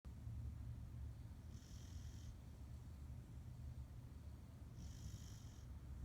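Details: Snoring in a sleeping pit bull dog, with low, steady rumbling breathing and faint hissing bursts on some breaths.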